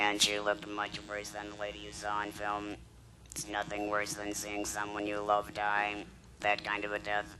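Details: Woman after laryngectomy, followed by radiation and chemotherapy, speaking with a battery-powered electrolarynx held against the throat that produces a beeping tone she articulates: electrolarynx speech.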